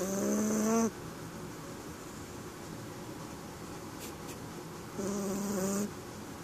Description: Our Chihuahua snoring dressed in his onsie pyjama